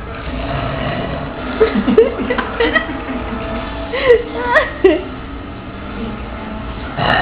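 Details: Two adults competing at deliberate, faked "trucker burps" after a night out: several short, forced, burp-like croaks among laughter and chatter.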